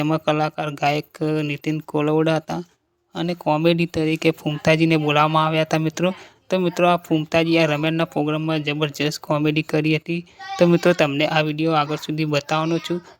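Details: Adult male narrator; ordinary speech.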